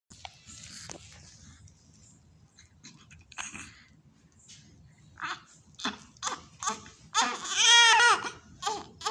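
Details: Newborn baby just after a home birth: soft fussing builds to a strong high-pitched cry with steady pitch; adult voices faintly in the background.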